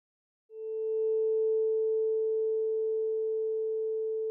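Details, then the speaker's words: Weber test comparing bone conduction on both sides: a vibrating tuning fork placed medially on the patient's head; a pure, steady, slowly fading hum that should normally be heard equally loud in both ears. "the weber test compares bone conduction in both sides start by placing a vibrating tuning fork medially on the patient's head"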